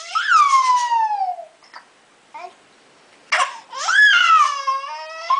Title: hiccups and whiney